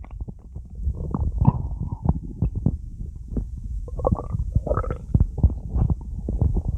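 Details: Loud gurgling and rumbling from the abdomen with bubbly pops; stomach growling (bowel sounds, borborygmi).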